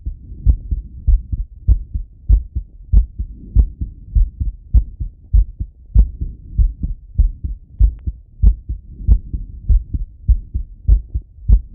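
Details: Strong, regular lub-dub heartbeat at about 100 beats a minute, heard through a stethoscope as an adult male auscultates his own heart after a workout set: normal heart sounds after exercise.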